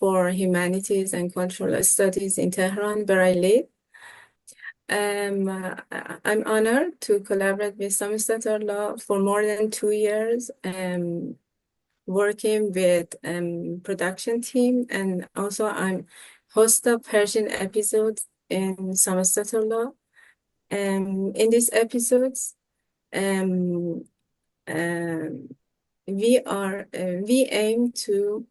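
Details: 25-year-old Iranian man speaking Persian who has stuttered since middle school; professional speech therapy brought significant improvement but some stuttering remains; stuttering.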